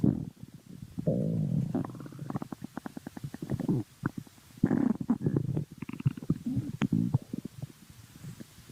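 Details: Stomach growling: gurgling, squeaky rumbles and bubbling bursts from the belly; ordinary borborygmi.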